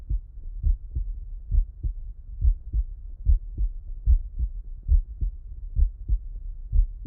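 Steady paired low thumps, a first and second heart sound in each beat, at about 70 beats a minute with a regular rhythm. These are normal heart sounds heard with the person lying on the left side, which brings the heart closer to the chest wall.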